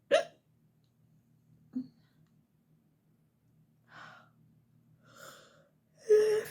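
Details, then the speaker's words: Night-time hiccups in a woman in her bedroom, tired and trying to go to sleep: short, sharp voiced gulps recurring in a quiet room with softer breathy sounds between them. "most of the time when I get hiccups I end up yawning too I'm so so tired but so tired I just want to go to sleep"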